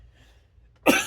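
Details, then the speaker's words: Man talking on camera, unscripted, says "excuse me" then coughs: a single loud, harsh cough bursting abruptly after near silence, cut off at the end. "Oh, that cough was rough. Did y'all hear that? Like I told you, unscripted. That snuck up on me."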